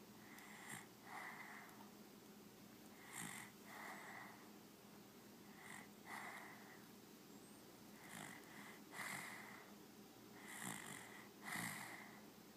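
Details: Soft, regular snores with a faint whistling edge, about 24 breath sounds a minute, in a quiet room; snoring.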